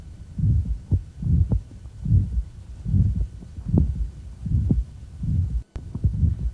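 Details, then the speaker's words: Aortic valve stenosis in a young man: regular heartbeat about 73 a minute with a harsh systolic murmur clearly radiating above the clavicle, with little radiation at the apex. "so in this fellow we found evidence of aortic valve stenosis moved to the apex to find the ejection sound"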